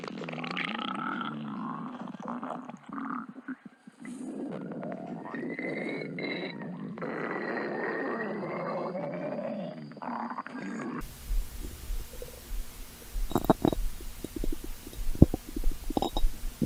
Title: stomach growling 5 (over five minutes of stomach growling)